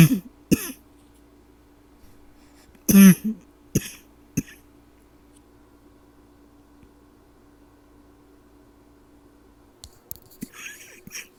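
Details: Nighttime cough from an adult trying to stay quiet: several short, muffled coughs and throat-clearing sounds in a quiet room.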